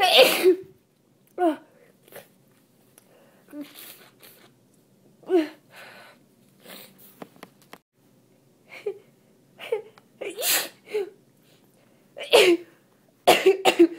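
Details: Repeated wet, partly stifled sneezes with sniffing from a congested person with a cold and tree allergy, worse when talking while reading aloud.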